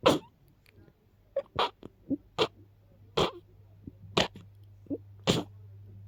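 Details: A run of about seven sharp, stuffy sneezes with short breaths between, from someone who is a little sick with a very stuffy, blocked nose.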